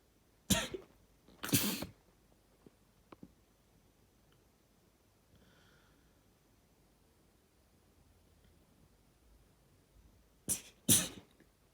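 Two sharp sneeze bursts, a long quiet gap, then two more bursts, likely a sneeze and a nose blow.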